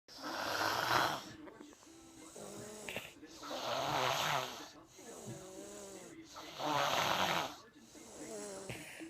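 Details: Loud, rough snoring breaths about every three seconds, about 20 per minute, with whistly nasal tones between them; ordinary snoring.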